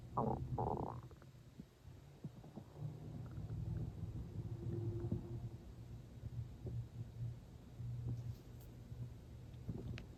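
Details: Loud stomach growling while not very hungry, not long after eating, with water drunk toward the end: low rumbling, gurgling waves with faint room noise. Normal digestive borborygmi.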